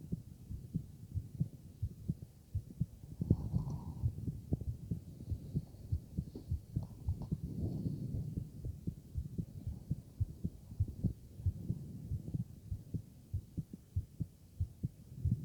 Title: Heart Auscultation + Stomach Sounds